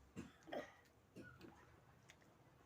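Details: A few short, soft throaty coughs in a quiet room from a person with a cough and cold and a hoarse voice.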